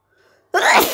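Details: Brief faint in-breath, then one loud explosive sneeze; an ordinary sneeze.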